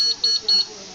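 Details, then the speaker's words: Infant Flow nasal CPAP on a baby: the alarm button is held until three short high-pitched beeps confirm alarm limits are set to five above and below the set PEEP and FiO2; CPAP alarm-setting beeps. "to set the alarms there's a little alarm button right here you hold it until you hear three"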